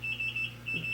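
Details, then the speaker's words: Repeating high electronic beeps in a quiet hospital room: an IV infusion pump alarm triggered when the mother moves her arm, after her third C-section at 37 weeks; it stops only when the nurse checks. "again sorry about the beeping that's probably really annoying to you guys I've kind of gotten used to it because like I said everything if I move my arm too much it starts beeping and it only turns off when she comes in to check"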